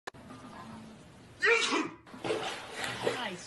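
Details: Man sneezing in a small room and startling a cat: a sharp, explosive sneeze followed by a second noisy outburst.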